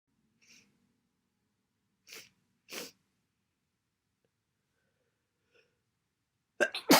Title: Massive, wet cold sneezes